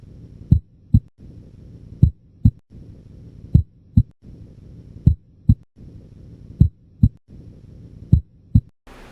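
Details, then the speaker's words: Regular two-part heartbeat at about 39 beats a minute heard at the apex, first sound louder than the second as is often but not always normal: normal heart sounds. "so normally the S1 is often but not always louder than S2 at the"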